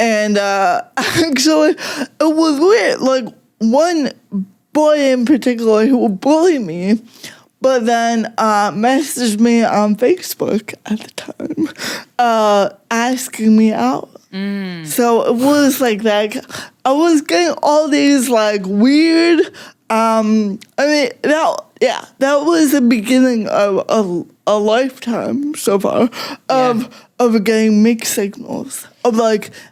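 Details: Adult woman with cerebral palsy since childhood; it mostly affects her speech and makes talking harder, and also affects her fine motor skills and her walking slightly, with no mobility aid used; real, unacted speech showing dysarthria (cerebral palsy).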